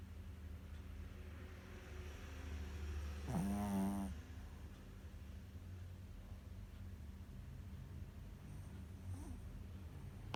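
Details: Shih Tzu snoring: low rumbling breathing with a loud, fluttering snort in the middle.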